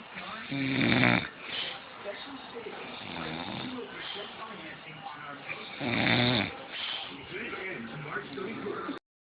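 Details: A man asleep in his favorite chair gives two loud, rumbling snores about five seconds apart over faint background talk: ordinary snoring.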